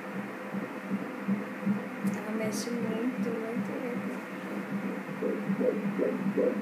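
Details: Fetal heartbeat on Doppler at 18 weeks 6 days' gestation, baby girl moving a lot: rapid regular whooshing pulses, rate stated as 146 a minute, normal, with some movement noise.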